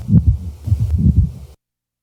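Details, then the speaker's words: Brief scratchy, grating sounds in both systole and diastole, recorded at the left sternal border of a male with pericarditis. Pericardial friction rub. "the following example displays a typical friction rub recorded at the left sternal border of a male with pericarditis both the systolic and diastolic comp components of the rub are"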